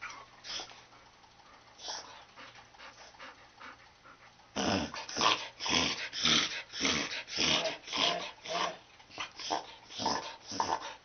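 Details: Rapid, loud, honking snorts in quick succession from a Corgi dog during a reverse sneeze attack: reverse sneezing.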